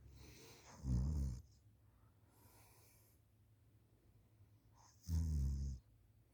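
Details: School student asleep on the couch after school, recorded by a parent: two short, deep snorting snores on breaths in, about four seconds apart, with quiet breathing between them.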